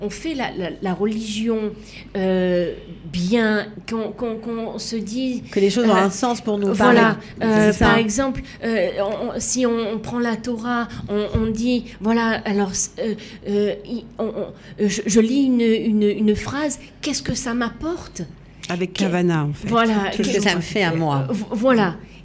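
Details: Woman with aphasia and right-sided hemiplegia after a stroke at age 19; for years could not place her tongue correctly and still struggles today; aphasia.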